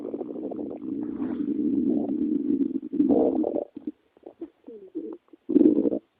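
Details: Long low gurgling rumble, then a string of short bubbling gurgles and a final rumble: stomach growling (borborygmi).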